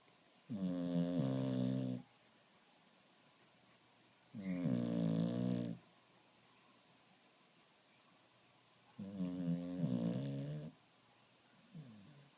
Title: Finnish Lapphund Bandit Snoring